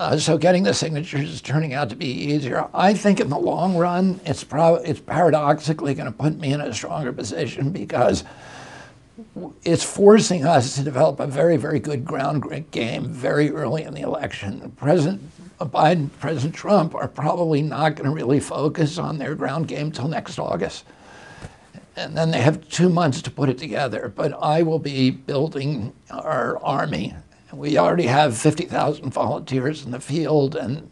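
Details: Adult male, real case, speaking in an interview: spasmodic dysphonia beginning in 1996 at age 42 after a neurological injury, attributed to the brain sending wrong signals to the vocal cords, not to the cords themselves.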